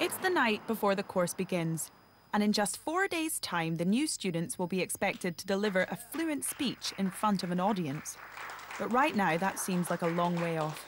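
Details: Adult female narrator; normal fluent speech.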